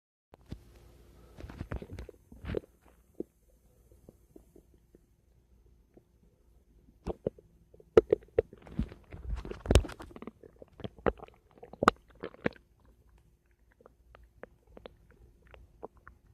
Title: My Stomach Making Noise 2